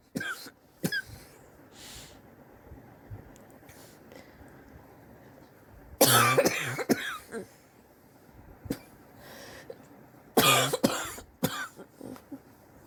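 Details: Sore adult coughing over several weeks, X-ray pending to check for pneumonia: separate harsh, explosive coughs, several in short bursts with quiet breathing between; cough suspected to be bronchitis.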